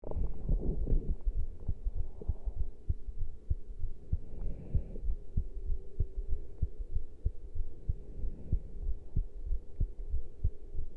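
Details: Heart sounds after caffeine intake: steady low heart thumps at about 95 beats a minute with a faint steady hum behind, a slightly quick heartbeat.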